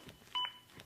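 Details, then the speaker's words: Zoll AED Plus demonstration: a single short CPR metronome beep pacing chest compressions at 100 or more per minute. The metronome stops during breaths and resumes when compressions restart. "I'm trained laying rescuers can provide hands-only CPR if you do stop compressions like I am now to give two breaths the metronome stops when I start back up"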